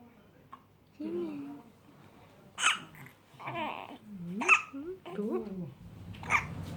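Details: Young child hiccups: three sharp hiccups about two seconds apart with babbling and adult talk around them.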